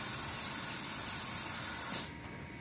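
Steady high whirring hiss of a dental handpiece stirring prophy paste, stopping near the end.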